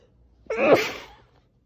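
A single forceful sneeze, muffled and dulled as if smothered into cloth.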